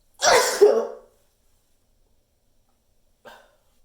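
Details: Sneezes partly held back to make them bigger, giving a long buildup, with eyes watering; one loud, explosive sneeze, then a faint short sound about three seconds later; normal sneeze reflex.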